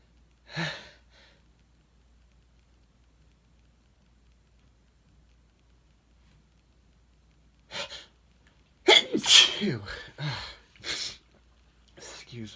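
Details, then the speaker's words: Adult male inducing his own sneezes, with no allergies, made extra sensitive by a sudden drop in temperature: one sneeze, a pause, then a quick volley of sneezes mixed with brief muttered talk; repeated sneezing. "excuse me i love when i hit that sweet spot okay come some more thank you bless me excuse me"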